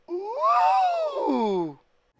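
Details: Pitch break on an upward pitch glide due to a left vocal fold polyp contacting the other side at higher pitch, with hoarseness since losing the voice about a year ago.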